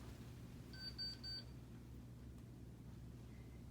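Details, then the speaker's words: Digital thermometer after axillary temperature reading on a one-day-old breastfed newborn girl during a student nurse's newborn assessment: three quick high electronic beeps over low room hum. "then just kind of get the baby's temperature axillary"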